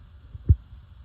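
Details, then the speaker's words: Auscultation of the abdominal aorta by a student physical therapist: no swishing sound, so no bruit, a normal finding. "Alright, and then next we're going to go ahead and listen to the sounds of the artery, the auscultations of the artery. So we're going to go to the abdominal aorta."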